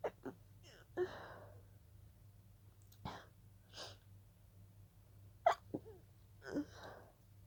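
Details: Stifled sneezing fit that began as a pollen allergy: several breathy, held-back sneezes with sharp intakes in quick succession.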